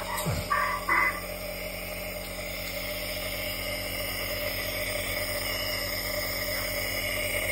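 Steady mechanical hum with a fine, even pulsing after a few brief knocks. A nebulizer compressor running during an inhalation treatment.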